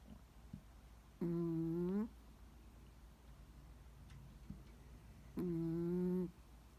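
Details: Loud whistling, humming snores with a long pause between them from a small Chihuahua sleeping deeply; snoring.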